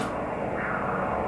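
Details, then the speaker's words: Transcranial Doppler with the probe insonating deeper to reach the middle/anterior cerebral artery bifurcation: a steady whooshing flow signal, with the anterior cerebral artery appearing as a second signal flowing away, overlapping the middle cerebral artery. "vamos aprofundar e tentar atingir a bifurcação da artéria cerebral média com artéria cerebral anterior começa a surgir uma outra etérea fugindo para o clube essa então é artéria cerebral anterior que agora aparece mais facilmente"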